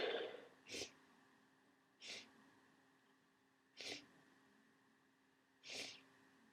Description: I was right. As the day's gone on I've got sneezier and started coughing.